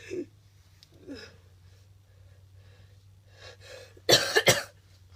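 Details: Person with a cold, nasty cough and very snotty nose: quiet sniffs and breaths, then about three harsh, loud, wet-sounding coughs in quick succession.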